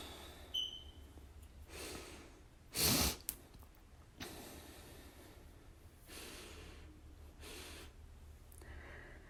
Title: IM BACK! with stifles & some wet sneezes